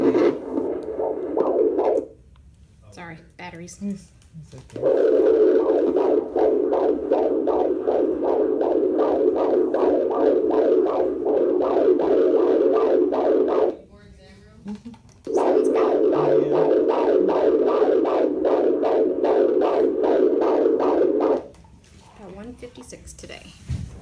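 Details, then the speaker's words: Handheld Doppler at a prenatal visit on the day of a glucose test: rapid, rhythmic whooshing pulses of a fetal heartbeat; mother unsure of gestational age; specialist follow-up planned for family history of heart defects. "she did it all right she did some other thing or whatever and I just got to hear the heartbeat again but I recorded it"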